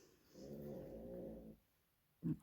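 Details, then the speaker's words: A female dog snoring in the background during a nail-art session, one low, rumbling, rattly breath of about a second, then a brief snort: snoring. "sorry if you can hear my dog snoring in the background she's so funny"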